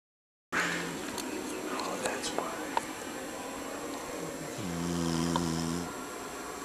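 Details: The family dog, asleep, snores very loudly with a steady, humming, whistle-like snore over room noise and people playing a video game in the background.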